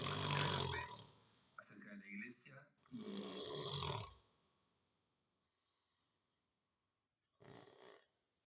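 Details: Unbearable heavy snoring: loud, rough, rattling snores in long bursts separated by quiet pauses.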